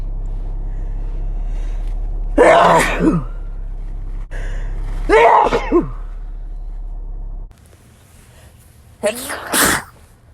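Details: Sneezes from a compilation: three separate sneezes, each with a sharp explosive burst, against low room hum.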